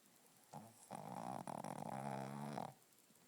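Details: Snoring: a single long, buzzing, rattling snore on one inward breath, with a brief shorter lead-in, in a quiet room.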